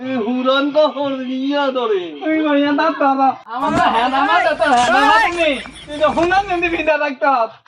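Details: Bengali comedy skit with two men; stuttering acted for humour.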